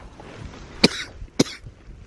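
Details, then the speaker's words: An adult camping overnight in a hammock in freezing winter weather, sleepless, coughs repeatedly around 4:20 a.m.: two short, sharp, explosive coughs, each with a slight rattly tail. "But I mean, you can hear from my cough that it's pretty cold out, guys."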